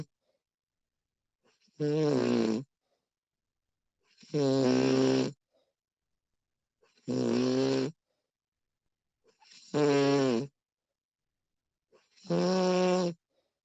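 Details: Woman recorded while asleep, extended one-hour recording: loud, regular snores with a rough vibrating tone, about five in 13 seconds, quiet gaps between breaths; snoring.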